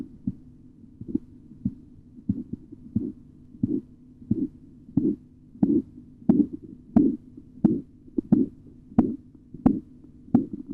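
Regular tapping pulse sounds, about 90 a minute, growing louder, heard under a deflating blood pressure cuff.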